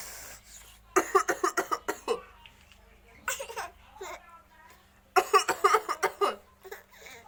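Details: Young child fake-coughing while play-acting: quick, high-pitched voiced bursts in two runs, partly like giggling. An acted cough.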